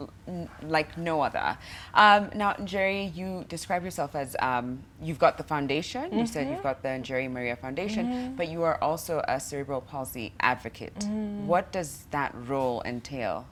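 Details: Adult woman, show host; typical speech.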